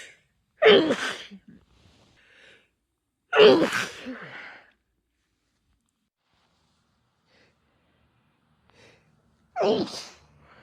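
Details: Female with a common cold: three forceful sneezes with short breaths between. Clips from several days, with sneezes growing deeper, wetter and hoarser as the cold takes hold.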